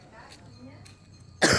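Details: Adult with a cough lasting two weeks: a quiet room, then one abrupt, loud cough burst at the end.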